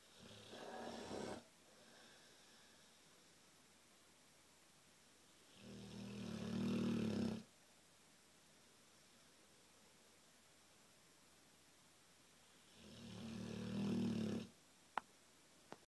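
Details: Neapolitan Mastiff sleeping up against a wall: loud rumbling snores about every seven seconds, roughly nine a minute, with quiet gaps between; snoring in a large dog.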